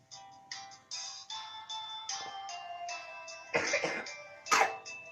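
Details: A cough that interrupts someone singing.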